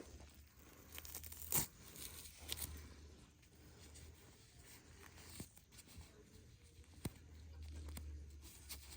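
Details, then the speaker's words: Tape peeled from the dressing of an infected anterior right foot venous stasis ulcer with exposed fat layer, during home wound care: quiet crinkling and soft tearing with low room noise. "Okay, so now that I have removed the tape from that bandage, I'll fold it over and slowly begin the removal process from around the ankle and the foot area, like so."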